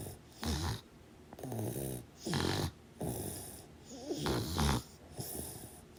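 Loud, rough snores with each breath, about five in six seconds, with quieter breathing between them. Ordinary snoring during sleep.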